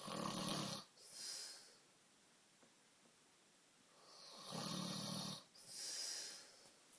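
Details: Sleeping man snoring, described as dribbling: heavy, hissing, wet-sounding snores and breaths in long cycles with a quiet gap between.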